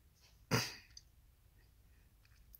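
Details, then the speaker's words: Person with Tourette syndrome having an unusually bad episode of tics at midnight while trying hard to control them: a single abrupt, explosive throat-clearing or cough-like burst, a simple vocal tic. "so in every single one of my videos you can clearly see or hear my tics and as much as I try"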